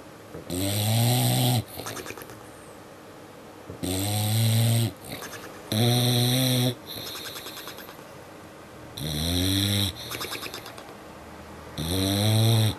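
Loud, rhythmic snores from a sleeping dog, five long rattling snores, each roughly a second long, with quiet breathing between; ordinary sleep snoring.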